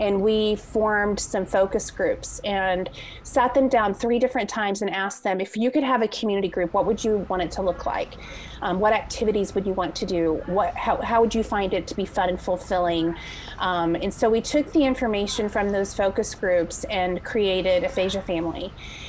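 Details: Adult woman speaking; normal speech.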